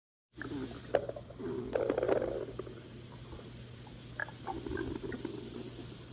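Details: Irregular low gurgling and rumbling with short bubbly squeaks over a steady low hum: stomach growling (borborygmi).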